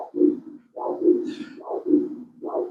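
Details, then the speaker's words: Pre-surgical Doppler ultrasound mapping of the upper limb for a hemodialysis arteriovenous fistula. Ulnar artery, diameter measured 3.0. Rhythmic pulsing whoosh about 75 a minute; normal flow, peak systolic velocity 49 cm/s. "aquí tenemos el pico velocidad sistólico como veis aquí de 40 49 cm por segundo"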